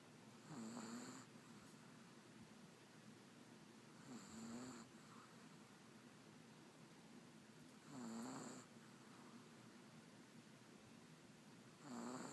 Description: MY littlest chihuahua sleeps a lot! And it was soo cute to hear her snoring so loud because she's so little, I had to record it.